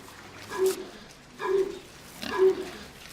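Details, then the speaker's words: Pig with a cold on an organic farm; three short, muffled coughs about a second apart over barn background noise. "Là, on entend tousser un cochon. Ils attrapent des rhumes comme nous. Il arrive qu'il y ait une vague de rhume chez eux, comme chez les humains."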